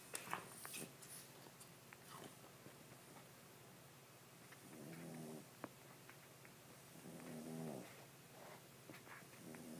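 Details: Boston Terrier snoring, possibly with eyes not fully closed: soft, low snorting snores from a small dog, several in a row, over faint room noise.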